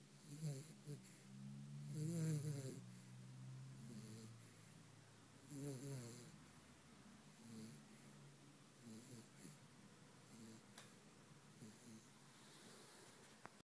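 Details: Sleeping, dreaming puppy with soft, rhythmic snoring and light nasal snorts; snoring.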